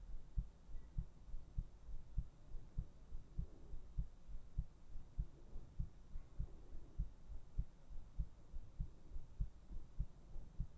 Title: ASMR : HEARTBEATS to put you to sleep!